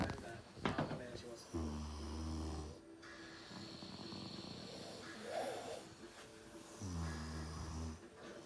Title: The snoring crew